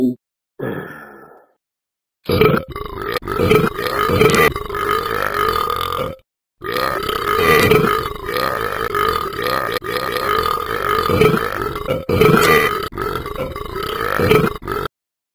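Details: Simulated prolonged burping from the Talking Ben game character in gameplay: very long, loud, rumbling voiced belches held for several seconds, with a brief break between them.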